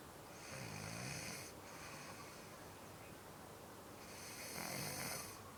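Rough, rattling snores on breathing in, two breaths over about five seconds against steady room hiss: ordinary snoring.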